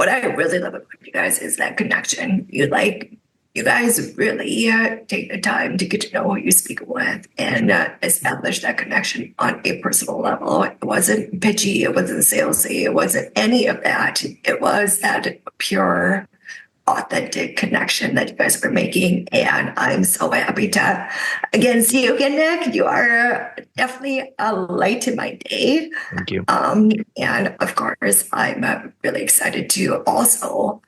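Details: Adult woman with spasmodic dysphonia caused by neck trauma about 5 years ago, voiceless for about 2 years, treated with neck Botox injections that help but do not cure; spasmodic dysphonia.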